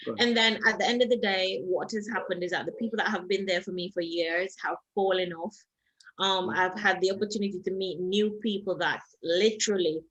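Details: Foreign accent syndrome in an adult Jamaican woman, caused by head trauma and stroke in a June 2019 car accident, with permanent brain damage; accent shifted from American to Trinidadian to British, persisting over six months.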